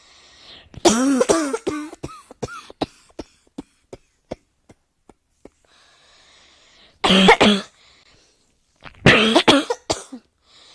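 Three bouts of harsh, forceful coughing with strained voiced sounds, the first trailing into throat clicks and catches; a quiet room.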